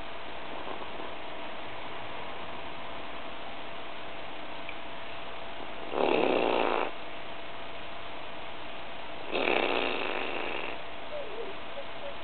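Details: A pet bird snoring while sleeping on top of its owner: two soft, rushing breath noises about three seconds apart over a steady background hum; snore-like breathing during sleep.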